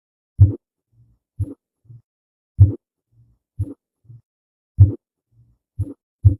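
Clean, slow repeating heart sounds: a strong beat followed by a softer one, with faint extra sounds between cycles; abnormal pattern, exact finding unclear.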